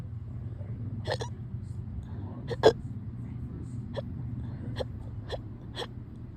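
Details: Small, quick hiccup clicks, some in close pairs, about eight in six seconds, over a low hum; tame but very fast hiccups in a person hiccuping on and off since yesterday.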